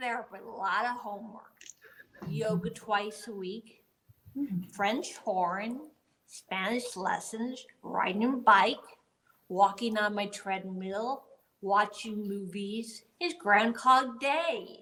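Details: Adult woman speaking spontaneously, with aphasia after a gunshot wound to the head in 2011, about ten years on, with difficulty getting words out and building sentences; aphasia.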